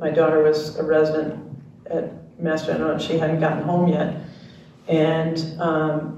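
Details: Retired male pediatrician with ALS diagnosed in late 2021; jaw trembling is neurologic clonus; his wife interprets his speech; dysarthria due to ALS.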